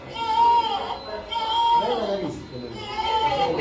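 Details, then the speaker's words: Newborn with signs of respiratory distress makes short, high, moaning voiced sounds with each breath out, about three in a few seconds: expiratory grunting against closed vocal cords. "Eso es quejido. ¿Ya? Es un quejido expiratorio. El quejido es expiratorio."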